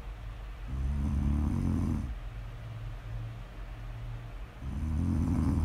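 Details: Two deep, rumbling snores on slow in-breaths, about 15 breaths a minute, with quiet breathing between; ASMR snoring audio of ordinary sleep snoring.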